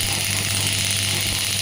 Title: Physiotherapy Shockwave Therapy Pneumatic Demo By Biotronix